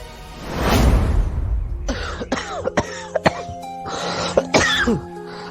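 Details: Acted adult cough, a burst then several short throat-clearing coughs over background music, from a dying character in a Bengali audio drama about Louis Braille.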